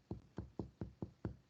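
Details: Finger-on-finger chest percussion compared side to side over the anterior and posterior chest above the nipple line: six evenly spaced, hollow, low-pitched taps giving a resonant note, the normal sound over healthy lung.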